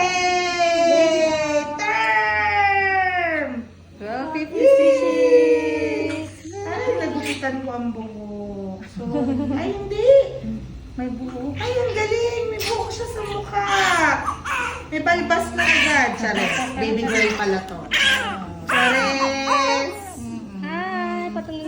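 Loud, high-pitched rhythmic crying of a newborn just after delivery, with faint low room hum; a normal vigorous newborn cry.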